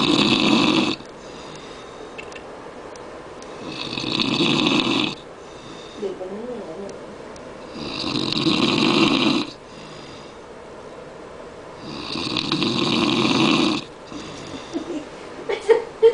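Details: Father-in-law snoring very loudly in a Thailand hotel: loud, harsh snores on each in-breath, about four in sixteen seconds, with quiet out-breaths between; heavy snoring.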